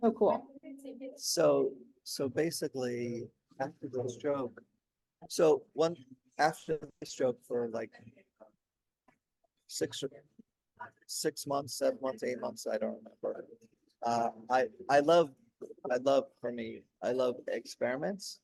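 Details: Adult man 16 years after a stroke during heart valve surgery, with post-stroke aphasia and ongoing word-finding difficulty; he could say only one word for about a year at first.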